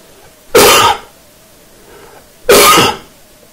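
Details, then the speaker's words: Two transient coughs shown as an acoustic beamforming example of the sound made by the cough jet, demonstrating its transient puff-like nature; cough. "so back to beamforming here's an example of two coughs so I'm going to beam form the sound made by the jet and show us some transient nature"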